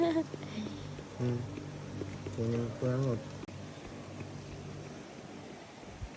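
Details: Baby girl crying during her first ear piercing: short loud tonal wavering bursts with brief pauses, then quieter fussing, with voices, laughter and music behind; an infant pain cry.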